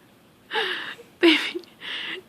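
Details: Hiccups in a little child who gets them often: three sudden, breathy, gasping catches of breath, each ending in a brief voiced squeak, in a quiet room.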